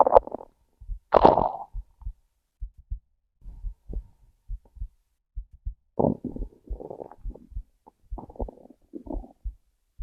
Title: Hungry stomach growls + heartbeat